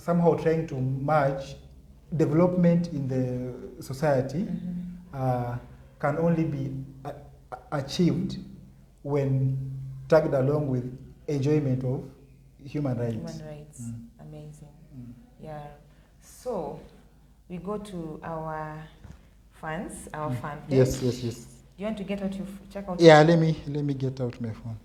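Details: Stuttering (stammering) in an adult man who had severe stuttering in primary school and says he has worked to improve his speech.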